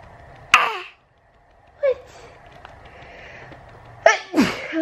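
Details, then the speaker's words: Adult having a morning sneezing attack: two or three abrupt sneezes with brief pauses between them, against faint room noise. "I think I'm having a sneezing attack, guys."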